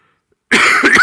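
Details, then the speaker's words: Single short, harsh cough burst from an adult man, possibly with throat clearing, who says he has been sick for a week and his voice is giving out. "you can hear my voice isn't that good I've been sick for a week and I thought this would be go fine but a bit of a trouble"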